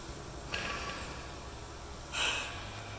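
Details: Bench simulation of one HT70 ventilator shared by two test lungs of differing compliance in pressure-controlled mode, COVID-19 ventilator-shortage research; two hissing breath deliveries over steady machine hum.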